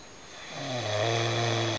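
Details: Mother sleeping, recorded early in the morning around 6:40 in darkness: a single brief, low, droning snore that builds to a steady rumble.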